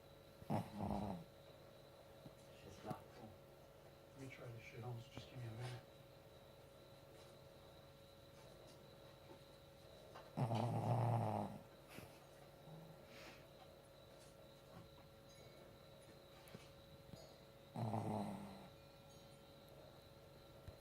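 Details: Sleeping dog snoring: three loud, rough, low snoring breaths several seconds apart with quieter snuffles between.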